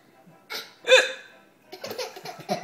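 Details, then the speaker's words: Hiccups in an adult father, filmed with his young child who finds them funny: two abrupt voiced gulping catches, one sharp and loud, followed by talk nearby. "Daddy's got the hiccups. Teddy's got the hiccup."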